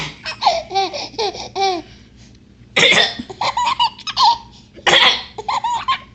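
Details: A child (the baby's sister) coughs a few times while an infant laughs loudly in between; an ordinary cough.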